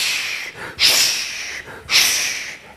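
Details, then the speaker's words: Vocal imitation of the continuous machinery murmur of patent ductus arteriosus, lasting throughout the whole cardiac cycle, rumbling and hissing. "And if you were to listen to these patients, you will hear a murmur. All right? And it lasts throughout the whole of the cardiac cycle which is sometimes called the machinery"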